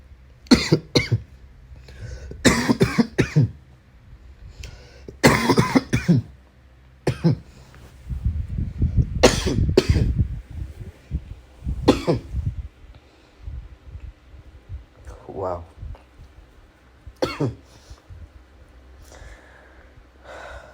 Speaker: Recovering from my a chest cough, as you can clearly hear, man.